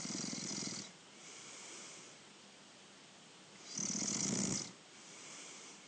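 Two rough, rasping breaths about three seconds apart with quieter breathing between: snoring during sleep.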